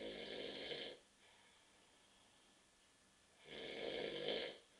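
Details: An adult man asleep on a sofa after drinking too many beers gives two long, harsh, buzzing snores about three seconds apart, with a quiet pause between.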